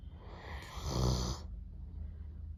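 One deep, rumbling snore with a hissing airflow, fading into a low steady rattle.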